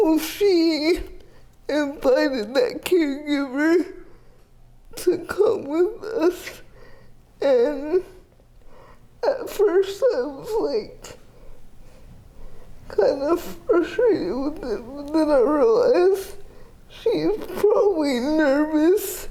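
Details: 30-year-old woman with GMFCS Level 4 cerebral palsy, quadriplegia with an athetoid component affecting arms, legs and trunk, uses a power wheelchair, repeated eye and hip surgeries; dysarthria (athetoid cerebral palsy).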